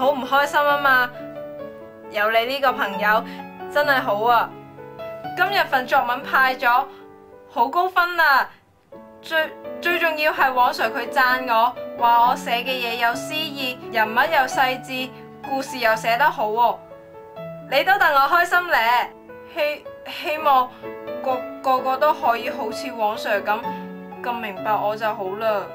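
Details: Acted stuttering in a drama: a female student who has stuttered since birth, with sound and word repetitions.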